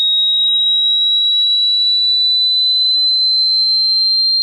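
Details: Online hearing test sweep from 80 Hz rising slowly to 18 kHz: pure piercing high-pitched tone holding steady and creeping slightly higher; hearing test tone sweep.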